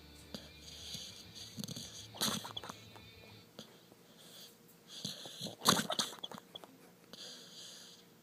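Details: Sleeping pitbull's noisy breathing with hissing, whistly inhales and harsh snorting bursts, repeating irregularly: snoring.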